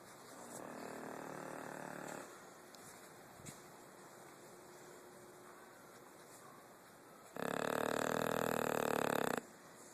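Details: Blue, a dog sound asleep, giving two rough, rumbling breaths, one soft and one loud, over quiet room noise; snoring.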